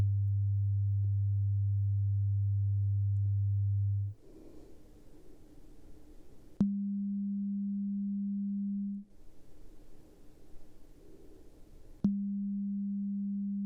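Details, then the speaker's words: Headphone beep test in an acted ASMR ear-exam role-play: steady pure tones of a few seconds each, a low tone then two higher, with quiet gaps; patient raises hand or names ear; audiometry test tones. "Alright, so next we have some headphones and we're gonna put them on and we have a beep test, okay? So this beep test, there's two different types."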